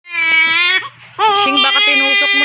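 Loud, high wailing infant cry with a brief catch for breath between cries; ordinary crying.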